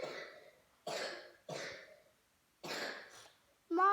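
Four harsh, separate cough bursts about a second apart, each fading with a breathy tail, then a brief voiced sound.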